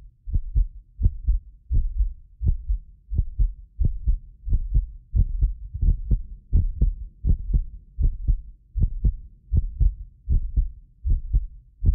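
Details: Real heartbeat of a medically fit person recorded with multiple precision contact microphones: deep paired sounds at roughly 80 a minute, occasional doubled clicks from a ~6 ms inter-microphone delay, not heart disease; heartbeat.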